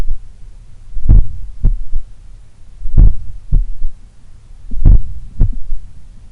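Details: Third heart sound (S3) recorded at the apex, morning, lying on the left: slow powerful beats about 32 a minute, each S1-S2 followed by a fainter low third thud; attributed to blood recoil or a slightly larger, supple left ventricle.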